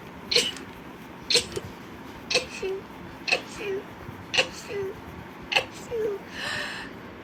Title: girls sneezing rapidly. #4.|| rapid sneeze.